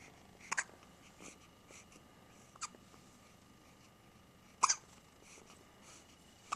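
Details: Frequent hiccups in a bottle-fed child, said to happen about 10 times a day, sometimes mid-bottle: several brief, sharp hiccups at irregular intervals in a quiet room.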